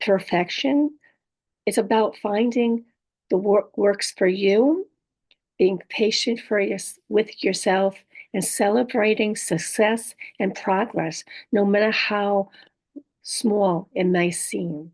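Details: Adult woman with apraxia of speech, dysarthria and aphasia after a stroke; apraxia of speech with dysarthria and aphasia.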